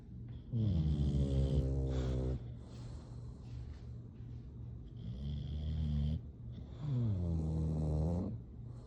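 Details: Sleeping English Bulldogs snoring: deep, resonant, rattling snores in a slow rhythm, about three long snores across nine seconds.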